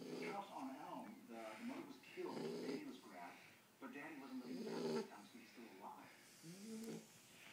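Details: A 10-week-old shar pei puppy snoring while asleep: irregular snorting, rumbling breaths with gurgling vocal noise, about 28 a minute.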